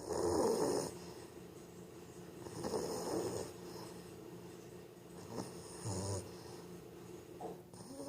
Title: Lexi our English Bulldog is snoring